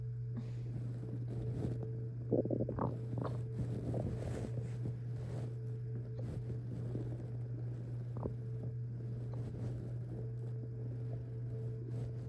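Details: Irregular gurgling and rumbling stomach noises over a steady low background hum while drunk with hiccups; active bowel sounds (borborygmi).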